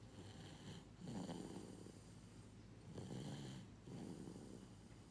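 Low rattling snores on each breath in, about three in five seconds, over steady room hum: ordinary snoring.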